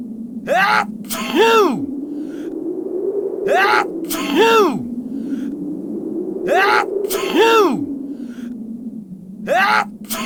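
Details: Simulated sneezing by a person: repeated acted sneezes, each a drawn-out voiced wind-up then a sharp burst, about three in ten seconds, over steady room hum.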